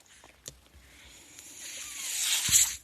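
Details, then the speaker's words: The speaker's own mechanical ventilator sounds as he closes a podcast: a rising airy hiss that builds and peaks as a breath is delivered; mechanical ventilator breathing cycle. "That noise you hear is my ventilator."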